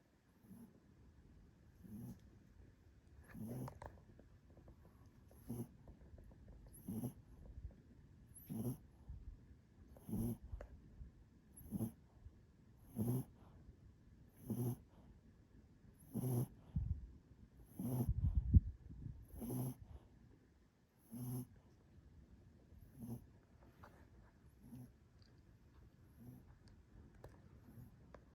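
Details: A sleeping small black Pomeranian snores in a steady rhythm, about 40 soft snorting breaths a minute.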